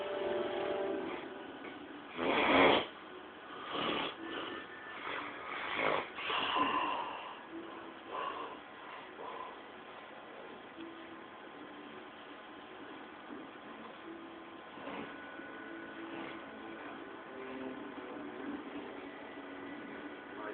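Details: Sleeping adult gives several loud, rough snoring breaths, then settles into quieter breathing; snoring.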